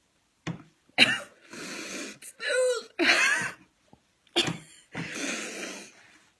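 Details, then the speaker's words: Several harsh, abrupt coughs and sputters alternate with noisy, breathy gasps in a small room, from an adult with a cold lasting about four weeks and trouble breathing, around a shot of whiskey; cough. "all right so I've had cold for going on like four weeks now and I'm hacking up a storm"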